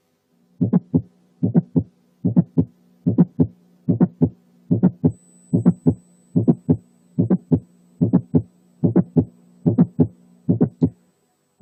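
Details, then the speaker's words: Mid-systolic click alone, as heard in mitral valve prolapse (click-murmur syndrome): regular heartbeat near 70 a minute with a sharp extra click between the first and second sounds. "في حالات الماترال prolapse الليت سيستوليك ميرمر كتير ما بتكون مبتدية بميد سيستوليك كليك اللي احنا سمعناها قبل كده، والاتنين سوا بيسموهم كليك ميرمر سيندروم. هنسمع دلوقتي تاني الميد سيستوليك كليك لوحدها."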